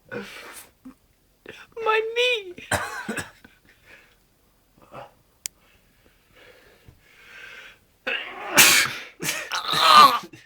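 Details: Sneezing deliberately provoked by rolled-up bits of toilet paper pushed up the nose: sharp, explosive sneezes among breathing and voice noises, with one strong sneeze burst near the end.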